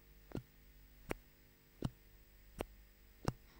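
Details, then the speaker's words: Steady lub-dub heart thumps at about 81 beats a minute, heard through a stethoscope placed near the heart: normal heart sounds. "this is the sound which is produced by the heart love and dub"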